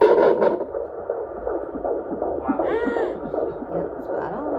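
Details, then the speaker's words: Fetal heartbeat on Doppler at a prenatal OB appointment, baby boy: fast, regular whooshing beats in the 160s per minute, strong and normal, found quickly. "But then she did the Doppler, of course, which is like my favorite thing ever. So I will insert a video of the little like Doppler heartbeat right here."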